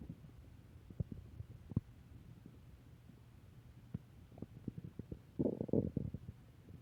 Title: Return of stomach growling 3